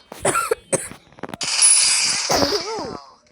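Brief voiced sounds, then a harsh noisy burst trailing into a voiced tail, consistent with a single cough from an adult.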